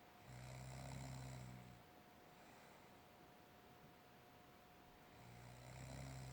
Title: Snoring sister